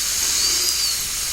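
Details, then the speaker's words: Steady piercing whine of a high-speed dental drill with a large diamond point reducing the incisal two-thirds of the labial surface of a maxillary central incisor, 1.2 mm uniformly, for an all-ceramic crown preparation in a student lab. "지금 현재 인사이살 3분의 2 부분, 인사이살 측의 레비알 서페이스를 삭제하고 있습니다. 균일하고 매끄럽게 1.2mm가 삭제되도록 해야 되고, 사이즈가 비교적 큰 그런 다이아몬드 포인트를 이용을 하면 되겠습니다."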